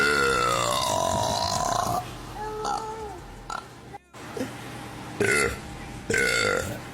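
Long, loud, tonal belches with quieter sounds between them; voluntary burping.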